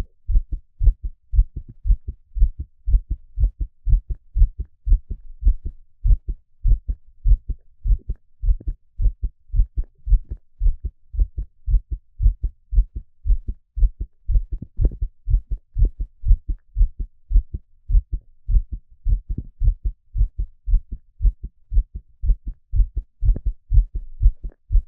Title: Peaceful heartbeat sound